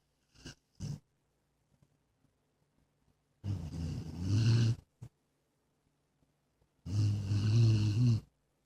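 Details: Jack Russell terrier mix dog, female, a habitual snorer since a few months old: loud rumbling snores about every 3.5 seconds, each drawn-out and growly with a snort, in a quiet room; snoring.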